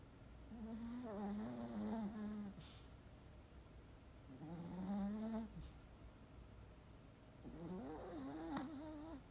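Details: A sleeping puppy snoring: three slow, rattling, drawn-out nasal snores, about 19 per minute, with quiet breaths between.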